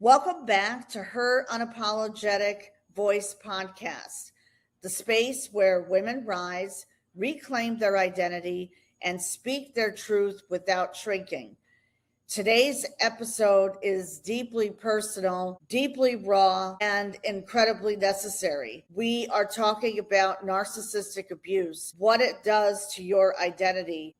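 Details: Adult woman speaking; normal voice.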